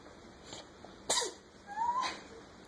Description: Our cat sneezing